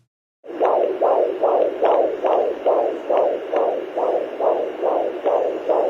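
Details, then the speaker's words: Fetal heartbeat on Doppler, shared during the COVID pandemic as a sound of hope: rapid rhythmic whooshing pulses at about 146 a minute, a normal early-pregnancy fetal heart rate. "So I wanted to share this lovely sound. This is a sound that's been giving me hope."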